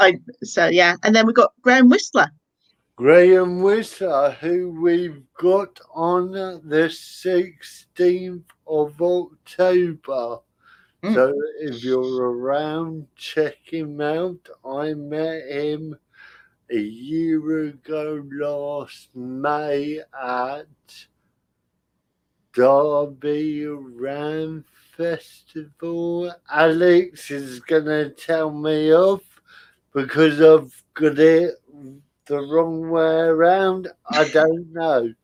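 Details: Adult man with spastic cerebral palsy caused by lack of oxygen at birth, affecting limb control and speech; dysarthria in spastic cerebral palsy.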